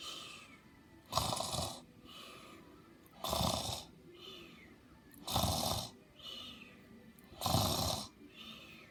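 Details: Loud snoring with snorts: loud, happy-sounding snores.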